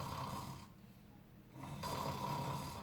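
Imitated fluttering snore on two breaths, the rattling vibration of a sagging soft palate and uvula.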